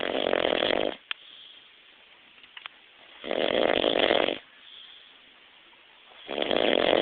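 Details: Adult man snoring during a nap: loud, buzzing snores about every three seconds, roughly 20 breaths a minute, quiet exhalations between.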